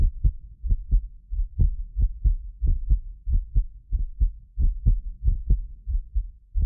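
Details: Heartbeat of a self-described medically fit person, recorded with several precision contact microphones for ASMR: regular low lub-dub about 90 a minute, occasional doubled clicks from a ~6 ms delay between microphones; normal heart sounds.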